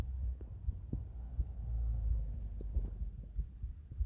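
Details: Soft low heartbeat thumps under a deep rumbling hum of stomach gurgles, in a relaxation recording; normal heart sounds.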